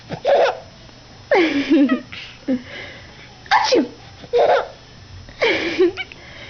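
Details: Repeated sharp sneezes from a mother, each answered by bursts of high-pitched laughter from her baby.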